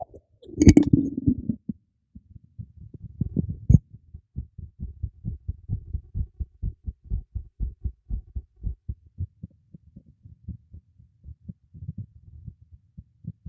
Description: My new microphone secured into place beneath this teacup makes for a nice and pretty clear recording of my heartbeat :)